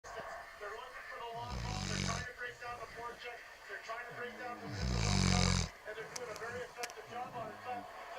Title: Dog snoring